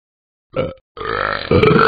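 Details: Simulated burping by the animated app dog Talking Ben burping the ABCs: a short burp followed by a longer drawn-out burp that grows louder.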